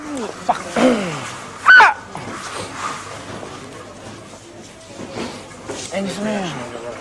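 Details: Involuntary vocal tics (yelps) in a 16-year-old boy with Tourette syndrome, who also has involuntary barking and swearing.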